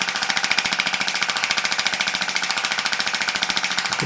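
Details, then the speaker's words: Shockwave therapy device treating tennis elbow, with pressure set high at about 100–110: a loud, fast, rattling train of mechanical pulses from the handpiece in use. "with the shockwave you can go reasonably high on the pressure so I would say hundred hundred and ten"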